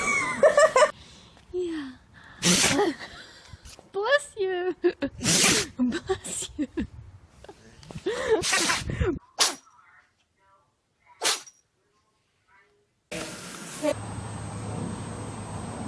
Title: Funny Sneezing Animals Compilation